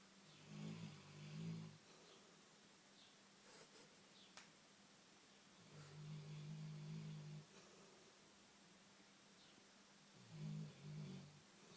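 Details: Big black Labrador asleep and dreaming, snoring with low rattling sounds that recur every few seconds over a steady room hum.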